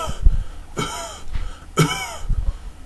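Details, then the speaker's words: Brassy cough imitated by an adult in a pediatric cough teaching, suggesting tracheomalacia: two harsh, hard-edged coughs with a metallic ring. "that is a Brazil cough, you can think of a tracheomalacia."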